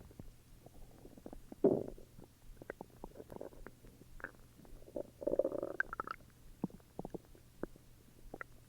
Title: Stomach growls